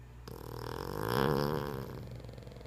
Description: Hilarious dog snores